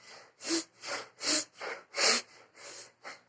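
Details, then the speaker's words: Deep, forceful breaths in and out follow rapidly, about 80 breath sounds a minute, for 12 seconds: a demonstrated maximal voluntary ventilation spirometry test in a physiotherapy cardiopulmonary exam for shortness of breath. "pemeriksaan spirometri yang ketiga yaitu DVD gimana itu tarik nafas secara maksimal kemudian tuliskan secara maksimal juga sama 12 detik seperti ini ya bu-pak Hai"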